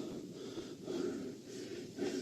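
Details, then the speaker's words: Simulated nursing scenario with a patient simulator showing rising heart rate, blood pressure and temperature, itching and fidgeting. Heavy breathing with a noisy wheeze on each breath: audible wheezing. "and the blood pressure he's now breathing much more heavily we can hear audible wheezing and he seems a little bit fidgety"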